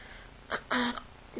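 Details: Brunette young woman with long-lasting hiccups, now with a sore throat: two abrupt voiced catches, the second briefly prolonged, in a quiet room. Hiccups.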